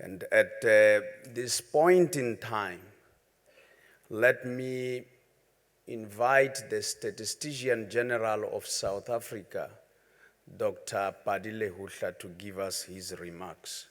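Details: master of ceremonies who says he stammers, speaking at an opening ceremony; stuttering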